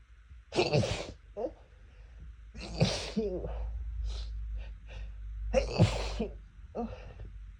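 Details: Person with cat allergy, sneezing fit after a cat entered the room: run of four loud explosive sneezes with short inhalations between them; repeated allergic sneezing.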